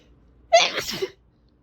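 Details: Big desperate sneeze: a single forceful sneeze with a brief sharp intake and explosive release, then quiet, with fan noise in the background.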